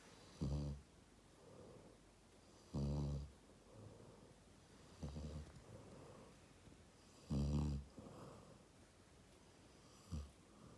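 Low rattling snores on each breath in, about 13 breaths a minute, with softer airy breaths out in a quiet room: snoring.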